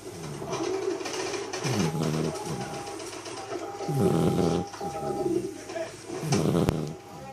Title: Black Labrador puppy Snoring